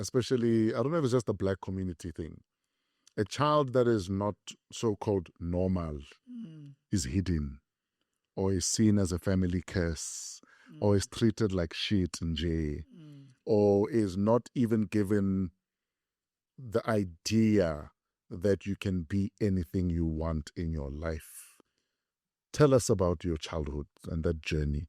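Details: Adult male speaker; normal speech.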